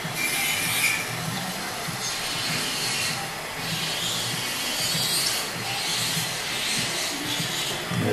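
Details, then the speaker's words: Adult woman having ultrasonic teeth cleaning with tartar/calculus removal at a dental check-up, described as pain-free; steady high-pitched hiss and whine of the scaler with suction over background music: ultrasonic dental scaler. "i just want to explain to you guys about my procedure today at the dentist firstly the procedure is called ultrasonic teeth cleaning and it's pain-free honestly it's pain free except you have extremely sensitive teeth"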